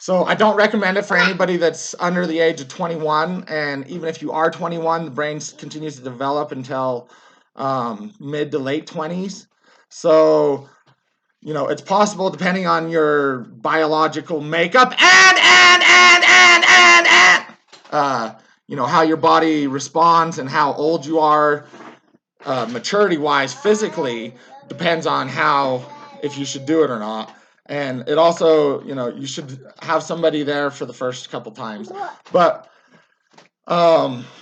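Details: Adult man, a former soldier, with Tourette syndrome whose tics worsened after military service; he yells, jerks and repeats words; vocal tics with word repetition (Tourette syndrome).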